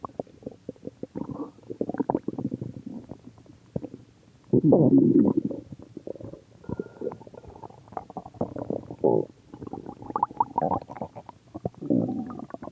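Irregular gurgling and rumbling bursts with a louder, longer growl in the middle: ordinary stomach growling from gas and fluid moving through the gut.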